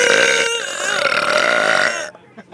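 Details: Girl doing a deliberate burp, trying for the loudest and longest she can: one long, loud, voiced burp lasting about two seconds, drawn out.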